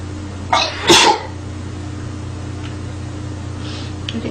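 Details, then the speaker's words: A girl sneezing, not from a medical exam: a single sharp sneeze with a brief in-breath before it, over room hum and faint music. "all right as you can tell I sneezed like multiple times in a row that was embarrassing"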